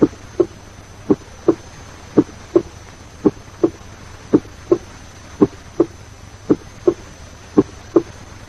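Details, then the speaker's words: Normal S1 and S2 at the apex, regular lub-dub at about 57 beats per minute; S1 somewhat lower in pitch and louder than S2. "First, listen carefully to the normal first and second heart sounds, S1 and S2 in the apical area, and get in tune with the rhythm of lub-dub, lub-dub. As you listen, note that at the apex, the first heart sound is somewhat lower in pitch and louder than the second heart sound."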